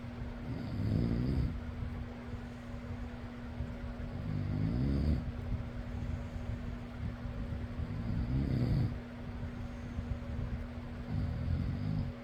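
Four rhythmic rumbling snores, about 16 a minute, over a steady fan hum.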